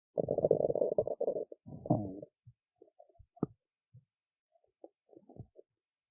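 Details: Hunger stomach noises after skipping lunch: a long gurgling rumble with a rising squeal, then scattered small pops and gurgles; normal borborygmi.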